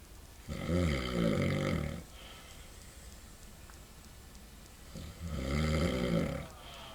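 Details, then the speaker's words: Father snoring very loudly: two deep, vibrating snores on the in-breath with a quieter breath out between them, against faint room noise; loud snoring. "Yeah, you were snoring so loud."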